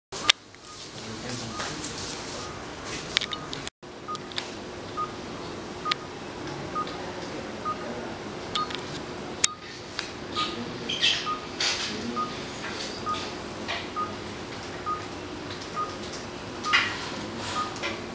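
Regular short electronic beeps from an anaesthesia monitor over steady room hum, with occasional clicks and handling noise.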